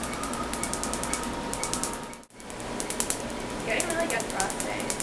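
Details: Laser tattoo removal laser firing pulses during a first treatment on a tattoo artist's half-sleeve tattoo: rapid sharp snapping clicks over room noise.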